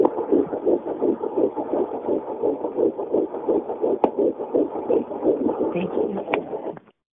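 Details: Rapid, regular whooshing pulses at about 170 per minute: fetal heartbeat picked up by handheld Doppler, a first baby.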